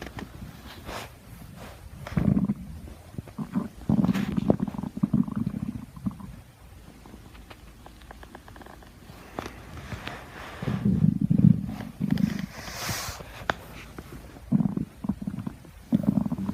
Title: Stomach growling happy thanksgiving